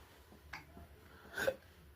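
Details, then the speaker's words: Baby's morning hiccups while being talked to: two short, abrupt catches of breath about a second apart, the second louder, in a quiet room; infant hiccups. "about? You got the heck he h heck of my cups. You got the hickimma cups. Yeah, I think you do. I think that means you're growing."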